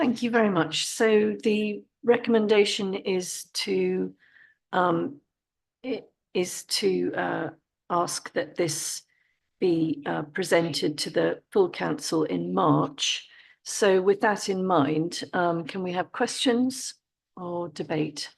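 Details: Adult speaker; Normal voice.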